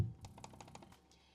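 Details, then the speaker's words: Spectra S2 electric breast pump switched from stimulation to expression mode after about two minutes or once milk flows; rapid mechanical clicks over a low motor hum. "once you hit that two minute Mark or if you start to see your milk flow prior to that two minute mark flip it into expression mode so to flip it you just hit that bacon button"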